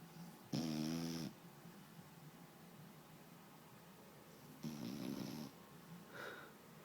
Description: My year old fox hound having a little nap.